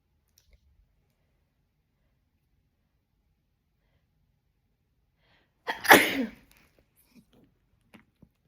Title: How to sneeze nonstop! (Part 31)